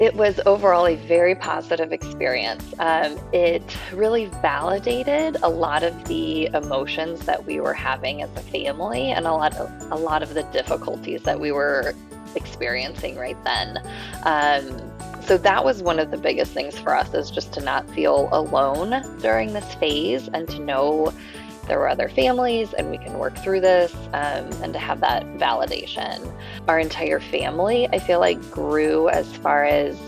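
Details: Adult speaker; normal fluent speech.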